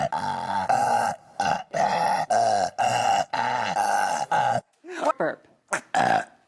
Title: Burp Compilation